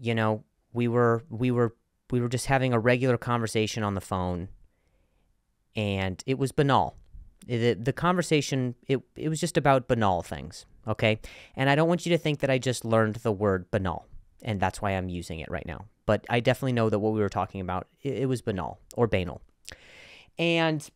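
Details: Man who has stuttered for a long time and still sometimes does, with repetitions of words and phrases heard: stuttering.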